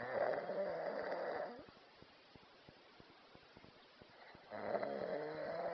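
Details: Snoring in a sleeping cow: loud, deep, rattling snores separated by a quiet pause, with faint clicking in the background.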